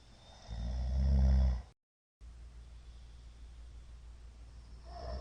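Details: Middle-aged man asleep, recorded 2022-02-23; the recorder judges it sleep apnea from the count of shallow hypopneas. One loud, rough, low snore, then a gap and quiet shallow breathing.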